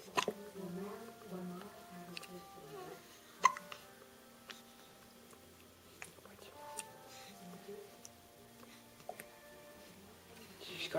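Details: Dog named Myka with hiccups: short, sharp hiccup clicks recurring irregularly, roughly 18 a minute, over faint background music and voices.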